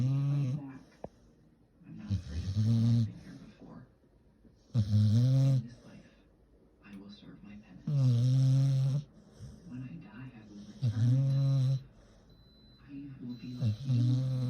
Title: Dog is snoring